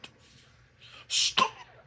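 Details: Suppressed cough in a person who vapes and is quitting cannabis: a stifled, breathy burst followed by a short clipped cough-like sound while holding back a cough.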